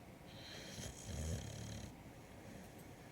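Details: A single low, rough, rattling snore over steady room noise. Snoring.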